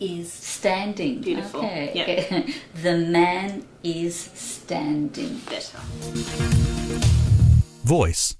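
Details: Aphasia after stroke, with the speaker describing pictures in short sentences during speech pathology language work.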